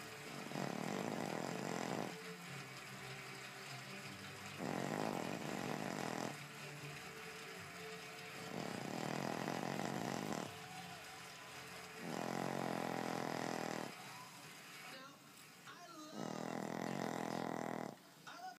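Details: Five long, buzzing, rattly snores, one every three to four seconds, from a sleeping pug; dog snoring.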